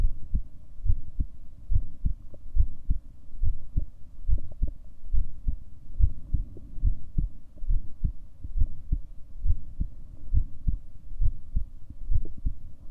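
Steady low thumping heartbeat at about 70 beats a minute under a faint steady hum.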